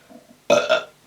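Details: Burp during outtakes of a vacuum cleaner demo recording: a single loud, voiced belch lasting about half a second after a quiet start.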